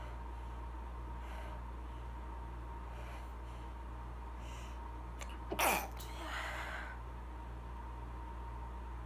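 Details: One brief, muffled burst followed by a softer exhale against steady room hum: a stifled sneeze, triggered as usual by a hair conditioning spray just applied.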